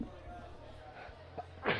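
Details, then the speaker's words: An adult man, who says he sneezes many times in a row, gives a short sharp sneeze burst at the end of a quiet room hum; sneeze. "Es-tu en train de pratiquer ton numéro d'éternuement synchronisé? Encore. Il te manquait 2 shots, je pense."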